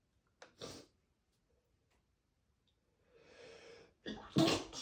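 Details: An adult male's unstifled spray sneezes: two to three loud, sharp, explosive sneezes, with an audible in-breath before the last.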